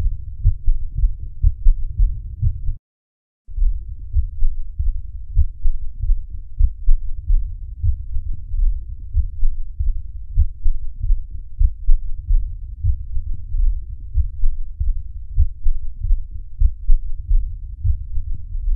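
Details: Muffled, low heart sounds with a dull rumbling quality and no clear rhythm; heart sounds in congestive heart failure.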